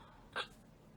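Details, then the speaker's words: Adult woman hiccuping and feeling weird during a live stream: a single brief, sharp vocal catch, a typical hiccup. "I mean, what's the vibe for today? Hiccuping and feeling weird."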